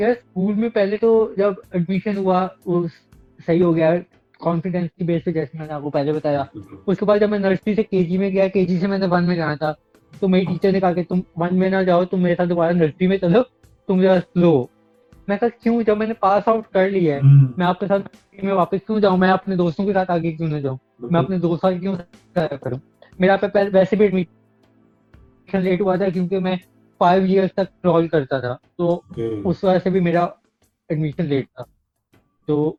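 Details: Adult man with cerebral palsy speaking Urdu; dysarthric speech in cerebral palsy.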